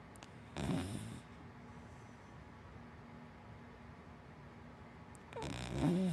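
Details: Sleeping dachshund–black Labrador mix dog snoring: two low, rumbling snores several seconds apart over quiet room noise, ordinary snoring.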